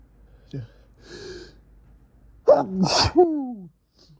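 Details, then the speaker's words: Person with fall allergies, in bed in the morning catching sneezes in tissues, itchy and snuffly nose: a sniff, sharp indrawn breaths, then a forceful sneeze with a voiced cry; sneezing from allergic rhinitis. "Such a teasing tickle. It's like each one just triggers the next."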